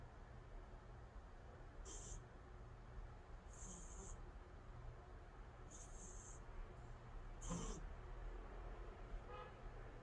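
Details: Calico cat in deep sleep: faint high whistling squeaks with the breaths, about four in ten seconds, over steady low room hum; cat snoring.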